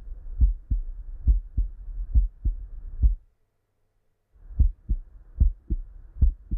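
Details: Normal heart sounds (S1, S2) heard by stethoscope during a cardiac examination while the carotid pulse in the neck is felt: regular lub-dub at about 70 beats per minute, clear first and second sounds, no murmur.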